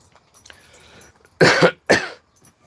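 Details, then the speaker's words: Adult woman with laryngitis, possibly progressing to bronchitis, gives two loud, harsh cough bursts after a quiet stretch of faint room noise. "I have laryngitis at the very least and I'm pretty sure it's turning to bronchitis"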